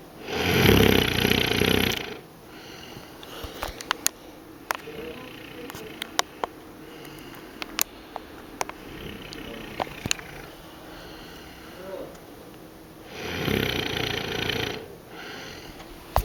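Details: Mother snoring in the living room: two loud, rough snores about eleven seconds apart, with quiet breathing and faint clicks between them.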